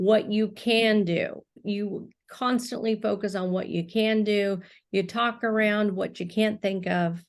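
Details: Adult woman speaking; no speech disorder.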